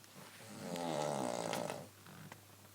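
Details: Adult woman snoring at night, a nightly problem: a single long, vibrating, buzzing breath in a quiet room; snoring.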